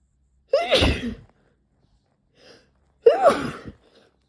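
Two forceful sneezes, each with a quick indrawn breath then an explosive burst, separated by a brief pause and a faint sniff.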